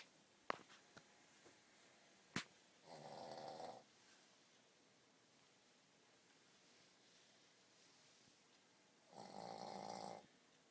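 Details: Boston Terrier sleeping in a quiet room, giving two loud, rattling snores about six seconds apart; snoring.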